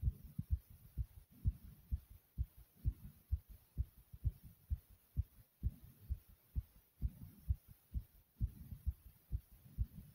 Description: My Heart was pounding kinda fast in this video.